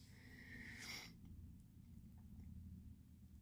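A brief, sharp nasal snort with a faint whistling edge, then only low room rumble: a rabbit's snuffle.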